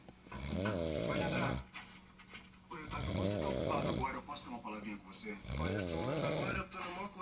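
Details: Father asleep snoring at home: loud, rough snoring breaths recur every few seconds, with television sound in the background.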